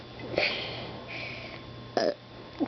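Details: Young girl burping on purpose while being recorded: a few short, throaty gulping burp sounds over light room noise.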